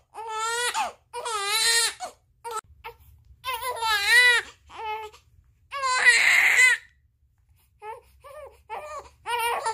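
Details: 30-day-old baby crying hard from hunger while waiting for milk to be heated: loud, rhythmic crying in repeated bursts with brief pauses for breath; a normal infant hunger cry.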